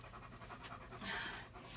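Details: Older German Shepherd with rear leg weakness and left buttock atrophy, during a chiropractic adjustment: rapid, rhythmic open-mouth panting with faint room noise.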